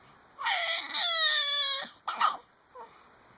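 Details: Infant with hiccups: a short, high-pitched wailing cry with a brief second burst and a small whimper; infant cry.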